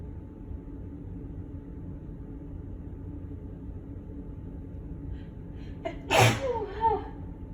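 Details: Single sharp sneeze with a short breath after it over steady hum, triggered by cigarette smoke smell from an apartment A/C vent when neighbors smoke; suspected smoke allergy.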